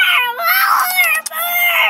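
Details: Baby girl with hand, foot and mouth disease that still hurts, sleeping poorly: loud, strained wails broken by short whimpers, a distressed infant cry.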